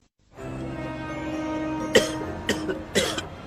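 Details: Three sharp acted (simulated) coughs from an adult over steady background music in an old cough-medicine advertisement: cough.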